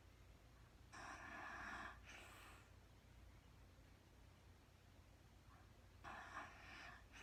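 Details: Real-time recording of a woman snoring during sleep, no talking: two slow noisy breaths about five seconds apart, each a harsh rattling inhale then a breathy exhale; snoring.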